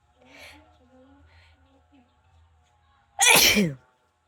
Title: WIDE NOSE SNEEZES PHILIPPINES.